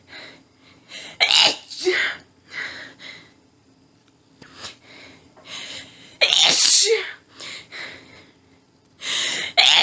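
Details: Female with a nose tickly all day, unknown trigger, trying but failing to stifle: an intense, desperate paroxysmal sneezing fit, a rapid run of very strong sneezes with quick panting breaths between them.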